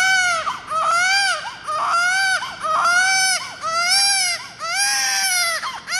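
Loud, high-pitched rhythmic crying from a newborn, roughly one cry a second with short gasping breaths between.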